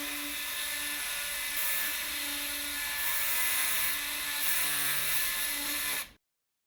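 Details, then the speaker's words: Lapidus procedure for hallux valgus, in a workshop demonstration: an oscillating saw cuts bone, giving a steady high-pitched buzzing whine for about six seconds, then stopping. "a straight saw can now be used to remove the medial eminence the depth of the joint and cut is approximately three centimeters and the saw blade should be that long"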